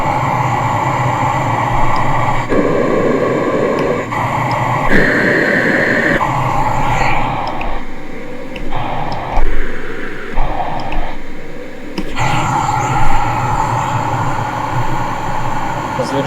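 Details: Philips Cough Assist E70 mechanical insufflation-exsufflation device with Cough-Trak, demonstrated after setting inhale and exhale pressures: steady blowing alternating with shorter suction phases, pauses between cycles; airway-clearance therapy.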